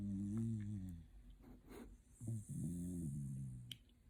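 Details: Sleeping Shiba Inu dog snoring: soft, low, buzzing sounds on each breath, with a brief snort between.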